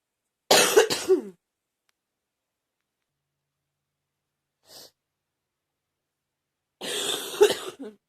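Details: Harsh, loud coughing from a girl: two bursts, each of several quick coughs, separated by silence.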